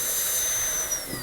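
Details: Steady high-pitched whine of a high-speed dental drill, pitch dipping under load, cutting a maxillary premolar class II preparation in a teaching course, extending the pulpal floor toward the adjacent tooth; dental drill.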